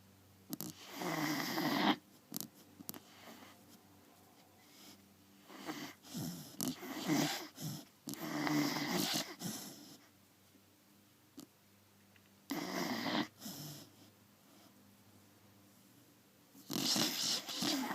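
Rough, rattling breathing noises repeat irregularly in a quiet room, consistent with a dog snoring during sleep.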